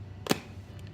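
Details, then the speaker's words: Type 1 diabetic for 27 years inserting a continuous glucose monitor (CGM) sensor for a 670G insulin pump at an alcohol-wiped skin site by squeezing the inserter's two buttons: a single sharp snap; CGM sensor inserter snap. "Snaps right in. I just wait a few seconds, make sure it sticks."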